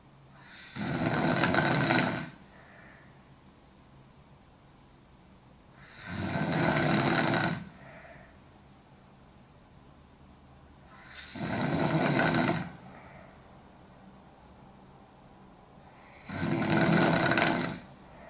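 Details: Young woman snoring hard while asleep: loud, harsh snores on each breath in, about 12 a minute, with quiet breathing out between them; heavy snoring.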